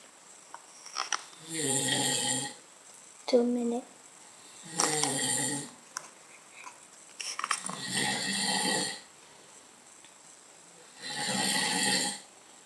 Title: Dad snoring